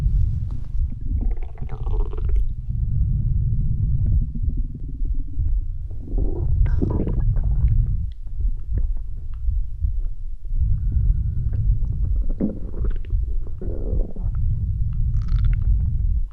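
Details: A midnight stomach growl: long, deep rumbling and gurgling with squeaky rising swells from gas and fluid moving through the gut, borborygmi.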